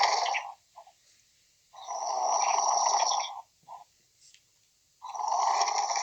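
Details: Friend who fell fast asleep during a phone call on Valentine's Day 2021: loud, rough, rattling snores, each about a second long, with quiet pauses and small breath noises between; snoring.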